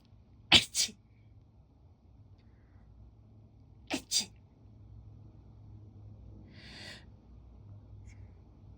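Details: Sneezing that a cat seems annoyed by: two sharp double-burst sneezes a few seconds apart, followed by a brief hiss from the cat.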